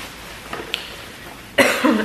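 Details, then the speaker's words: 26-year-old night-shift nurse sick with coronavirus, with a cough, body aches and chills: a single dry cough burst after faint throat sounds; illness-related cough (COVID-19). "so when i went to work tuesday night i started having a cough and then after that i woke up i had body eggs"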